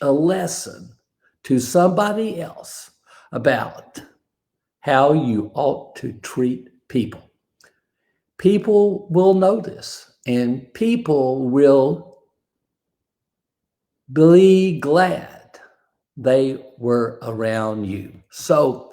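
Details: Aphasia after a stroke in a man, described as an invisible disability; a bad morning said to have affected his ability to talk that day; real speech; aphasia.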